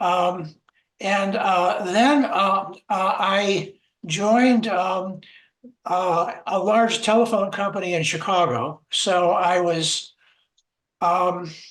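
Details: Adult man who stutters, with word and phrase repetitions; stuttering.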